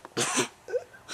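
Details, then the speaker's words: A young child gives one forceful sneeze while playing close to the camera. "you sneezed on me"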